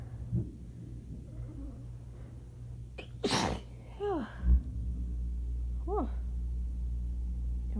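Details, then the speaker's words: A sharp sneeze followed by breathy vocal sighs over a steady air-conditioner hum; part of an adult woman's sneezing fit triggered by shower water sprayed up her nose. "And so now I'm just sitting here in a towel. Sneezing my head off"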